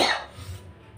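A single short, explosive adult cough that fades quickly into quiet room noise; a genuine cough.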